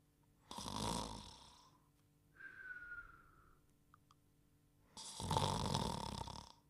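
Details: Cartoon (Dogtanian) comic snore effect: two rasping snore bursts with a falling whistle between them.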